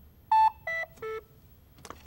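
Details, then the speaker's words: Medtronic LIFEPAK AED during a training inspection, being turned off by holding the power button for a few seconds: three descending electronic tones then a faint click; AED power-off tone. "now turn the device off hold this button for a few seconds until you"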